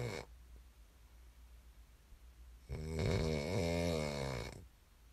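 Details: Quiet breathing, then one loud, rough, rumbling snore on the in-breath lasting about two seconds; snoring during sleep, from an ASMR snoring recording.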